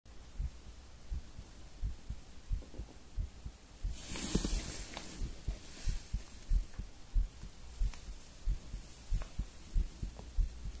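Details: Strong, slightly quick heartbeat after coffee and nicotine: firm, regular low thuds at about 90 a minute under a faint hum, with a rustle partway through.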